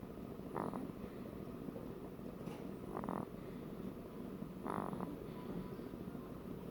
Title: More snoring.